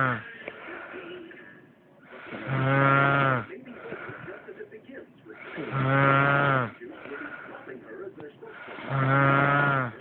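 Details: Loud snoring recorded during sleep: low vibrating snores on each breath in, about 19 a minute, with softer breaths out between; heavy snoring.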